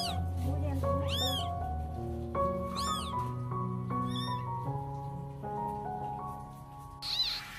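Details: Newborn kitten at a Vietnamese vet clinic, just after delivery, with stitches mentioned on the mother: three thin, high, rising-and-falling mews over loud background music, its first cries.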